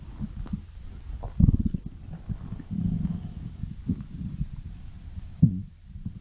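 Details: Stomach growling: low, irregular gurgling rumbles with a few louder bursts, ordinary borborygmi from gas and fluid moving through the gut.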